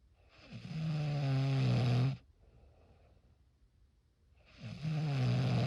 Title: Snoring sound effect. Raw snoring sound effect